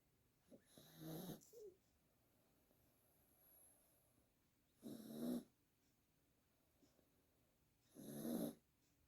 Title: My Pomeranian snores loudly.